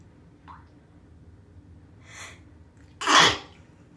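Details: Sneeze during bath time. A quick breath in, then one sharp, explosive sneeze over low room noise.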